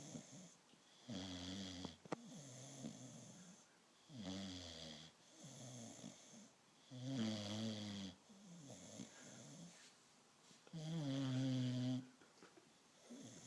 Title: Snoring Dog (American Bulldog)